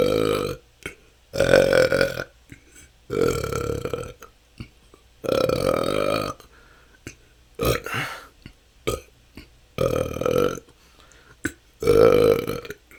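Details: Frequent loud burps in rapid succession, about eight in thirteen seconds with short pauses, recorded continuously; the person says this can go on for hours and has been a struggle for the last couple of years. Excessive belching.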